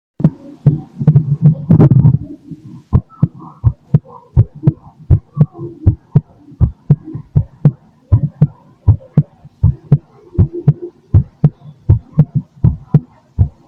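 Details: Steady low thumping heartbeat, the recorder's own, heard through a stethoscope with rustling handling noise at the start.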